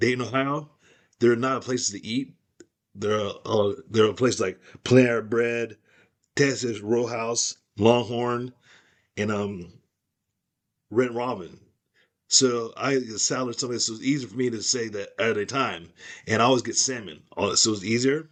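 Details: Aphasia after a stroke in a man who could not talk at all at first and improved over time.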